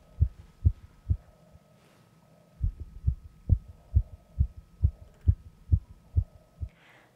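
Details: Simulated sepsis scenario: confused man admitted days earlier after a fall, BP 89/63, heart rate 140; stethoscope heart auscultation gives a fast, regular beat about 136 a minute: sinus tachycardia.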